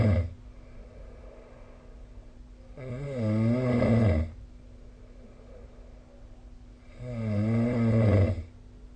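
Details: Snoring sound recorded with the SnoreLab app: loud, rough, low rattling snores on each in-breath, about 15 a minute, with quiet breathing between and a steady room hum.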